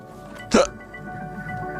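A single sharp, voiced hiccup over soft background music.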